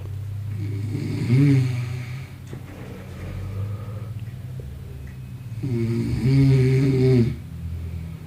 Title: Advanced snoring